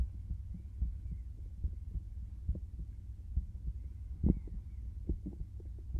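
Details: Heartbeat heard through a stethoscope in a binaural ASMR recording: steady low thumps at about 70 beats a minute with faint rustling.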